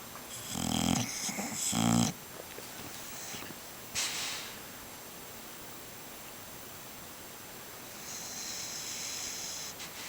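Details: Snoring while people talk nearby: two loud rattling snores in quick succession, then a short snort and quieter breathing.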